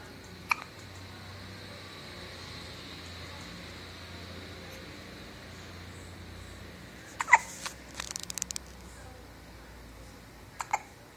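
A few sharp, sudden hiccup sounds spaced several seconds apart over quiet room noise; hiccups.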